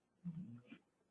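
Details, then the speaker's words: Single low, rumbling snore-like breath lasting about half a second from a sleeping English bulldog in the background of a home recording: snoring. "You can raise your hand if you can hear my dog snoring in the background. You can probably hear that too."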